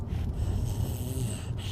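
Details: Child deliberately imitating how people snore: one brief, low, rough snorting snore; simulated snoring.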